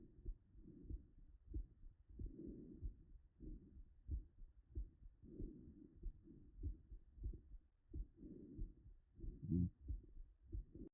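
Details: Mitral stenosis diastolic murmur heard with the stethoscope bell: low heart sounds at about 94 a minute with a soft, low-pitched rumbling murmur filling the pauses between beats.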